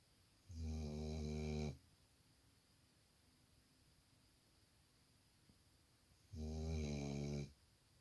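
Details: Snoring from a black Labrador dog while sleeping.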